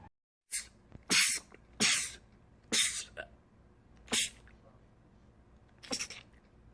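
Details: Male sneezer, part of a compilation of rapid sneezing attacks: six sharp, hissing sneezes in quick succession over about six seconds, a rapid sneezing attack.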